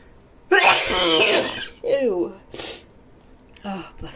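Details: Person with a cold and stuffy, runny nose: one huge, forceful sneeze with a drawn-out voiced cry, then a short sniff or nose blow.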